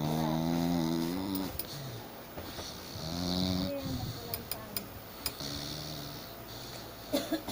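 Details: Very loud snoring during sleep after a night out: buzzing, tonal snores on breaths in, with light clicks and rustle between; snoring.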